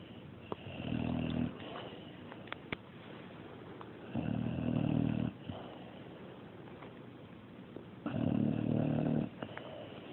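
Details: Ordinary snoring: three loud, low, rumbling snores, one about every four seconds, with quiet breathing between them.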